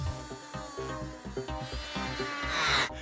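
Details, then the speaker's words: Hospital trauma unit: rasping, grinding strokes cutting through a hard plaster cast during a timed cast-removal challenge; cast removal. "L'équipe doit pouvoir poser et retirer des plâtres rapidement. La question est de savoir si Xand peut relever le défi."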